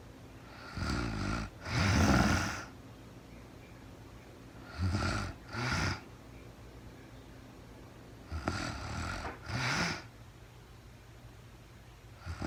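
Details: Real-time recording of a sleeping woman, very tired: soft, irregular snores in pairs a few seconds apart over quiet room noise, snoring.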